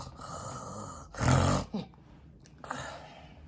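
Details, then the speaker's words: Simulated: a child actor in an on-camera acting class performs an imitation of a mother's snoring, said to sound like a pig; one loud, rough snorting inhalation with room noise. "she snores so loud she sounds like a pig she tries to blame it on my grandpa but i know it's her my grandpa smells like this but my mommy snores like this"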